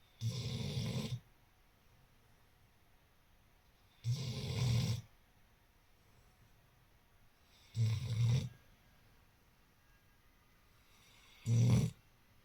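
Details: Pete, a dog making snoring sounds while awake, which he does often: four long, rumbling snore-like breaths about every four seconds, roughly 16 a minute, with silence between; snoring.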